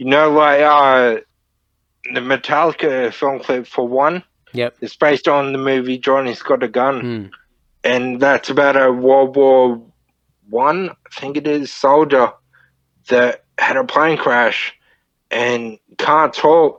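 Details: Man, 31, with Friedreich's ataxia diagnosed at 14, a neurodegenerative disorder; he reports slurred speech and word-finding struggles as part of the disorder; finding: ataxic dysarthria (slurred speech).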